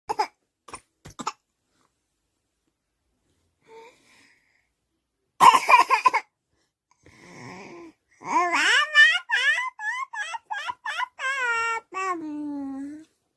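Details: Infant imitating grandmother's cough: a few short, sharp cough-like bursts, then playful babbling and squeals; a mimicked cough, not illness.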